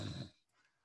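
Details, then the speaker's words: Adult imitating a snore through the mouth: a brief, low, rattling snort, as a breathing demonstration. "i often say to you know students make the sound of a snore through the nose sorry through the mouth it goes a bit like this"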